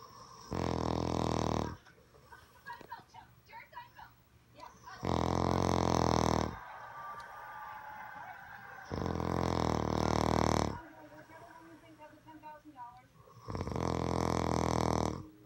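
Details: Adult male (husband) snoring: loud, rattling snores on each breath in, about four in 15 seconds (roughly 16 breaths a minute), with quieter breathing out between.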